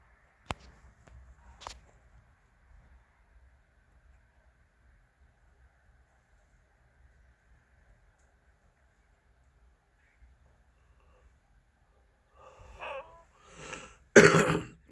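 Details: Quiet outdoor scene, then a few rough, noisy cough bursts at the end with a wheezy edge: wheezing cough.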